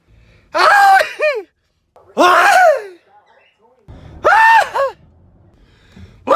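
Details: Repeated sneezing reported over two months: three loud voiced bursts, each a drawn-in breath followed by a sharp explosive release.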